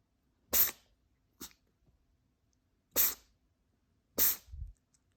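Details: Pinky, a Devon Rex cat, has a sneezing fit: a run of sharp, hissing sneezes in quick succession, three strong and one small.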